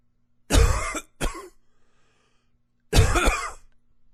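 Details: Three harsh, forceful, throaty throat-clearing coughs from an adult, two close together, then a pause and a third; cough.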